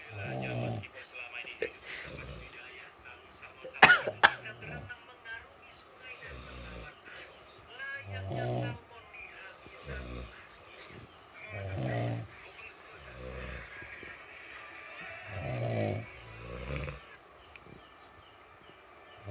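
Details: Quiet, irregular, low snoring noises during sleep, with a brief sharp noise and faint background sounds; snoring.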